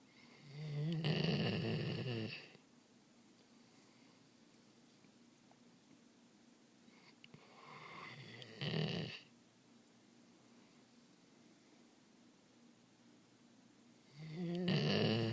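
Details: Snoring during sleep, heard every night: three rough, rattling snores, one short and softer, spaced several seconds apart in a quiet room.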